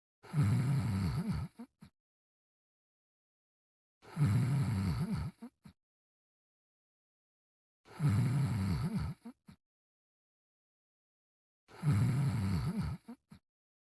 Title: Brian Sleeping and Snoring in 30 seconds (version)